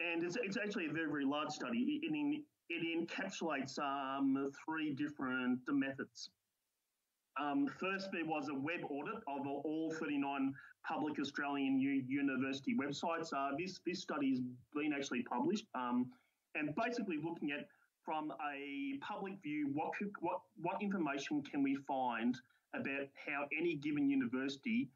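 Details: Adult man, a university lecturer, who counts himself among people who stutter; stuttering.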